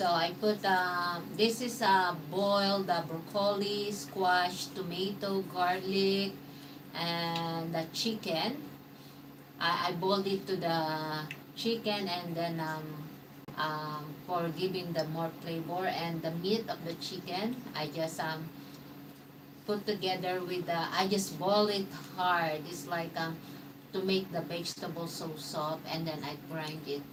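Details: Adult woman; Unaffected speaker.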